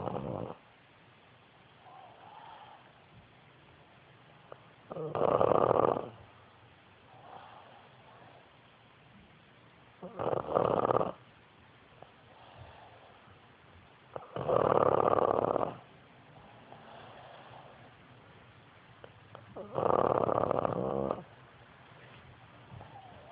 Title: Snoring pug